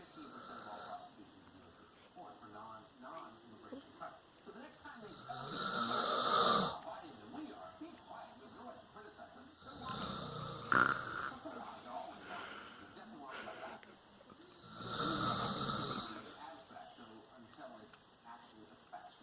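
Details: Father, a heavy sleeper, snoring in sleep: loud rasping snores about every five seconds over room noise.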